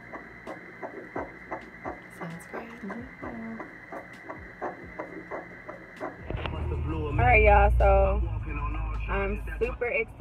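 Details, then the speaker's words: Early single-pregnancy fetal heartbeat on ultrasound at a doctor's appointment, not twins, yolk sac still visible: rapid, regular whooshing pulses at roughly 200 beats a minute. "Yes, so there's one baby in there. Yay. One baby with a beautiful heartbeat."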